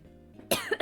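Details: Cough from an adult whose voice is failing.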